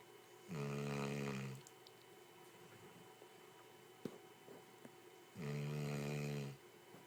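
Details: Two long, rumbling snores about five seconds apart in a quiet room while napping in an office; regular snoring during sleep.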